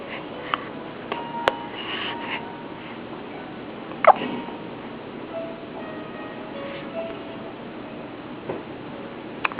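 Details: Newborn baby hiccups: a few short, sharp hiccup sounds spaced several seconds apart, with soft music in the background.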